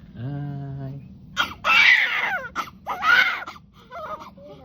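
A short whimper followed by loud, strong bursts of crying from a newborn, with quieter adult voices in the room; a normal newborn cry.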